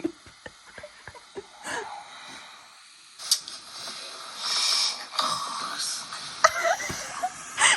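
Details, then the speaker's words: Adult sleeping, recorded overnight by a sleep-talking app: noisy, hissy Darth Vader-like breathing with raspy rushes of air and a few faint snorts; noisy breathing during sleep. "Tell me why I breathe like Darth Vader."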